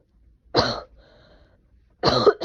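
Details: Two short, harsh cough bursts with a quiet pause between them, from a person with a cold attributed to temperature swings; a plain cough.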